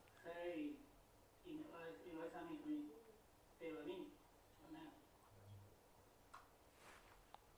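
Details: Man with Broca's aphasia retelling a story at home, with frequent pauses to search for words and substitution of wrong words; Broca's aphasia with word-finding difficulty.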